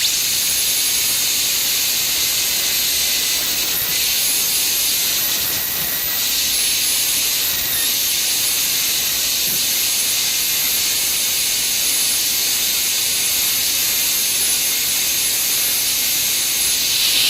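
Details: High-speed dental handpiece: steady high-pitched whine and hiss with slight dips while doing occlusal reduction of the buccal cusp in a cast gold crown prep on a model mandibular molar.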